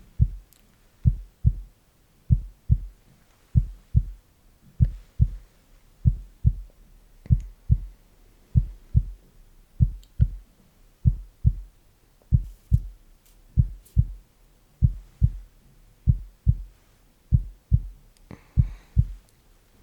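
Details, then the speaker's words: Simulated ASMR cranial nerve exam roleplay: slow, steady lub-dub heartbeat through a stethoscope, about 48 beats a minute, with no extra noises, declared normal. "Good. Your heart is just fine. Wonderful."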